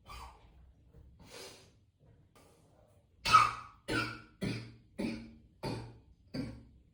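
Breathing, then six forceful coughs in a row in an echoing room; a repeated coughing fit.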